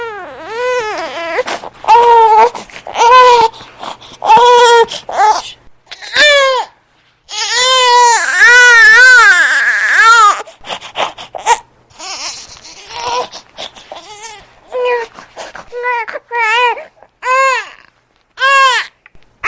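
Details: Sound-effect recording of a newborn crying in short, rhythmic, clear-toned wails, perhaps hungry: infant crying.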